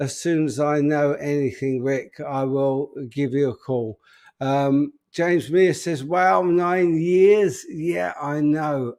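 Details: Adult man with an upper motor neuron disorder affecting speech, progressively more evident and currently worse; real, unacted live speech showing dysarthria from an upper motor neuron disorder.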